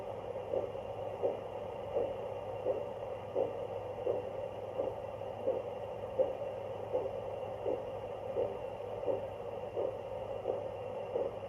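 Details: Handheld fetal Doppler picking up body sounds that are not a fetal heartbeat, showing it amplifies all internal sounds: a steady whooshing pulse of about 85 beats a minute over constant hiss and hum; Doppler-detected pulse sounds.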